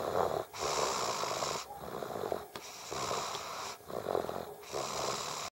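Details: Toddler asleep in her highchair after a long day (June 2012): loud, rough, rasping snores on each breath in and out, about three breath cycles in five seconds; snoring.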